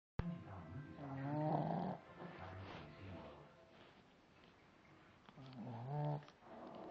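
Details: Shih Tzu dog snoring loudly like a beast, with tonal, whistling rises on the breaths and quieter rough noise between.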